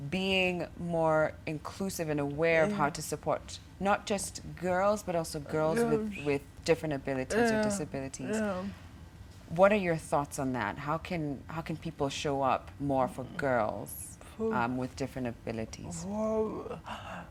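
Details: Adult female speaker; typical speech.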